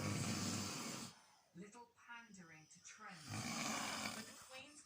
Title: the snore off husband vs dog 🤣😂